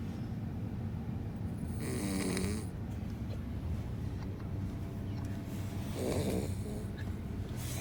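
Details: Sleeping Labrador puppy snoring: low rumbling snores with two louder snorting breaths over steady low background noise.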